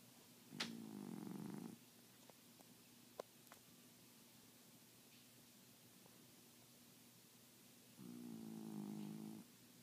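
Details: Sleeping cat whose snoring can sometimes be heard from the next room: two soft, buzzing, fluttering breaths about seven seconds apart, close to a purr; snoring.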